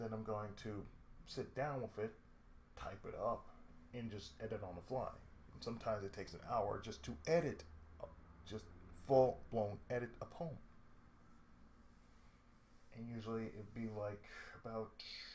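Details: Adult male with lifelong cerebral palsy and speech difficulty since childhood: dysarthric speech (cerebral palsy).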